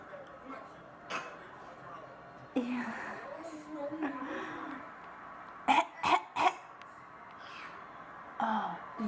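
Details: Infant boy, asked if he has a cough, gives a short run of three quick, forced cough-like bursts, a playful imitation; voluntary (fake) cough.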